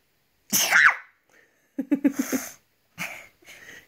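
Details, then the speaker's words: Child with fatigue ("sleepy") sneezing on waking in the morning: a sharp, explosive sneeze followed by vocal squeals and a couple of softer sneeze-like bursts. "has what's called fatigue sneezing. We call it sleepy sneezes. And basically, anytime he gets tired, he sneezes."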